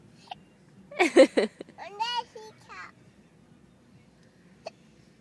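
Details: Baby giggling while playing peekaboo in the car gets hiccups: two brief, sharp, isolated hiccup sounds a few seconds apart with a short vocalization in between.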